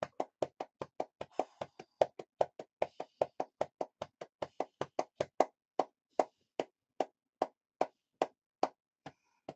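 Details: Steady rhythmic hollow claps, about 150 a minute, slowing slightly at the end: manual lower-lobe chest percussion for airway clearance in cystic fibrosis; the patient reports coughing up blood over the last two to three days.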